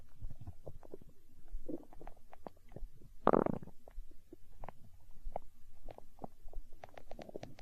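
Deep gurgling and bubbling rumbles with one louder growl; ordinary stomach growling, a normal sound.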